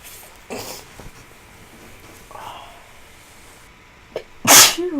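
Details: Feverish adult, unwell and getting worse, with a tickly nose: a soft inward breath and small catches, then one sharp, loud, hissing sneeze burst near the end.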